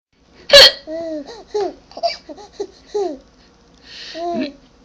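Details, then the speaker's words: Baby with hiccups; a sharp sudden burst, then short voiced catches and squeaky gasps in quick succession, mixed with baby noises; hiccups. "oh no do you have the hiccups now too oh no you have the hiccups too oh those rotten hiccups"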